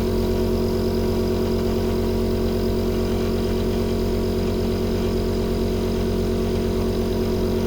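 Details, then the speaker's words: ONEMED 7EC/7EB/7EG portable suction pump, switched on and tested against the hand while adjusting the suction power regulator: steady low motor hum with fast pulsing throb; suction pump running. "Nah kalau sudah kita coba dulu nih kita nyalain alatnya Seperti ini dan kita Cobain ke tangan sambil kita atur regulator daya"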